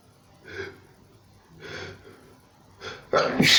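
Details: Three quick sneezes then a louder harsh burst of breath, part of a run of non-stop sneezing lasting about four minutes; sneezing fit.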